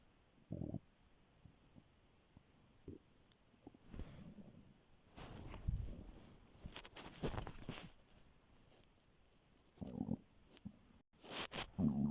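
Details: Stomach growling recorded in the morning just after waking, very hungry and before skipping breakfast: intermittent low gurgles and rumbles from the abdomen over a quiet background.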